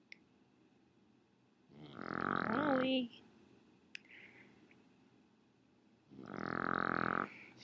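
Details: Shih Tzu dog snoring: two loud, rasping, snorting breaths about four seconds apart, with quiet between them.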